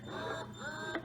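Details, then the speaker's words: Ameda Purely Yours electric breast pump running on highest suction and lowest speed: steady motor hum with a rising and falling whir as the pump cycles. "so I'll just go ahead and turn it on so you can kind of hear what it sounds like so that's on the highest suction and the speed on the lowest and then you can also crank up the speed when you really need to pump and that's what it sounds like"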